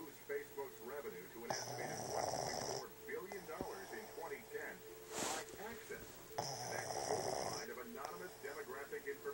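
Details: Snoring during sleep: two long, rattling snores with a whistly edge, separated by quieter breathing, over background chatter.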